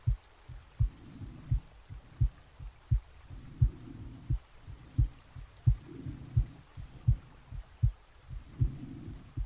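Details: Real heartbeat and breathing recorded from the chest while sleeping, with soft rain added: regular lub-dub at about 86 beats a minute with slow breathing swells; normal heart sounds.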